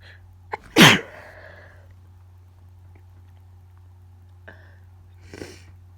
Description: I have no idea what’s going on with my nose but it tickles so much and all the sneezes are wet and powerful